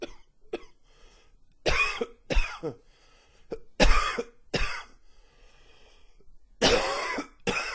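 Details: Sustained coughing fit: a run of forceful, harsh coughs, some in quick pairs, with softer throat-clearing sounds between.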